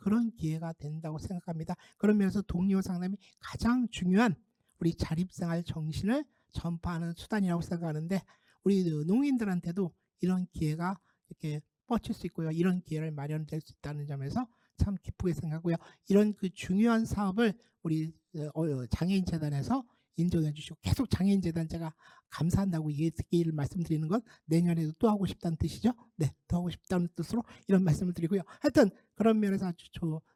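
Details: Adult speaker; Typical speech.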